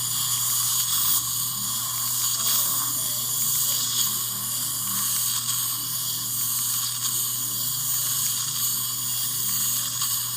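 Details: Steady, high-pitched drill whine over a low hum with faint pulsing: a mini dental implant being driven into the upper jaw of a female longtime denture wearer for an overdenture; four implants are normally placed.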